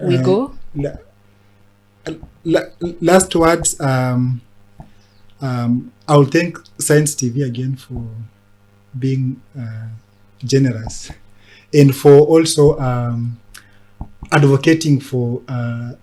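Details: Adult man who has stammered since about age six and reports speech blocks; stuttering.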